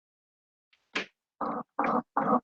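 A faint tap, then four short, flat, muffled percussion notes with little ringing or resonance: a dull percussion note.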